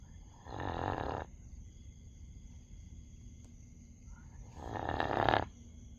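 Two long rough snoring breaths about four seconds apart, with quiet room noise between them: snoring in a sleeping dog.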